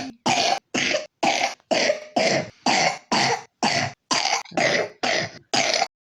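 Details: A 3-year-old child with pneumonia gives a rapid run of about twelve harsh coughs in quick succession, a repetitive coughing fit.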